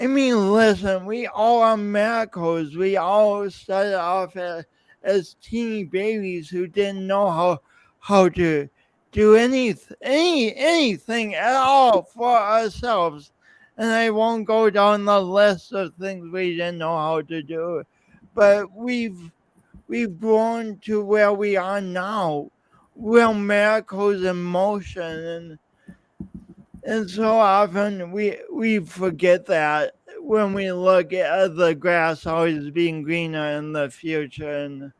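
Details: Man's real speech impediment with coordination differences, self-described; he says practice may make him clearer over the years but the differences persist; speech impediment.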